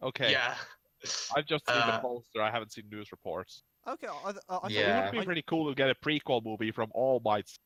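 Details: Adult male speaker; normal speech.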